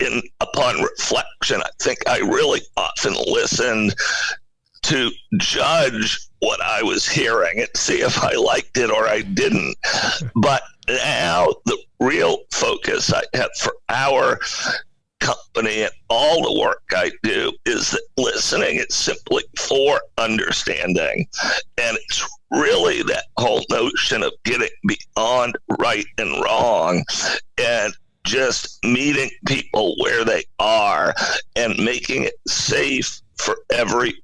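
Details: Spasmodic dysphonia in an adult male CEO: a very rare neurological voice disorder affecting only speech, with no known cause or cure, acquired suddenly in 2010.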